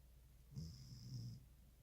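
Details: Snoring while asleep: a single soft, low snoring breath with a faint whistle against quiet room noise.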